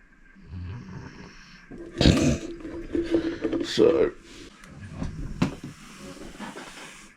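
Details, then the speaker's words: Female dog asleep on a workshop floor snoring: rough, rumbling breaths and snorty bursts over quiet room noise. "And if you can hear some snoring, that's actually my dog over here on the floor. I share my um my workspace with um my dogs and um and she's having a good old snore."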